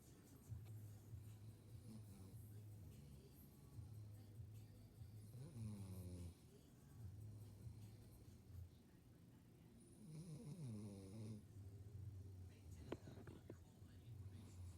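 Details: Low buzzing snores repeating through each breath, with a few louder snorting breaths between; steady snoring during sleep.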